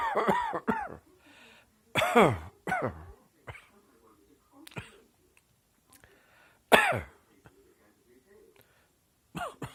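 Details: Several short, harsh coughs in irregular bursts with quiet gaps, some like throat clearing; an adult coughing in a small room.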